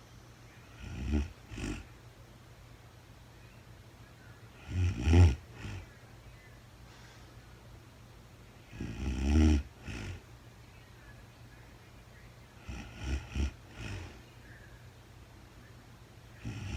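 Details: Real-time recording of a woman asleep at night, no talking, very tired: low rough snores recurring every few seconds, about 14 a minute, with quiet pauses between; ordinary sleep snoring.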